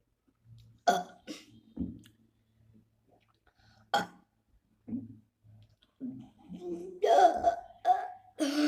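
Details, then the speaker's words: Voluntary burping during a five-minute burping challenge: a run of short, throaty burps, some weak and some fuller, with brief pauses between them; burping. "Oh my god, I'm horrible at burping. I will admit. So, you know what? Forget it. I'm just going to try doing the loudest burp that I can do."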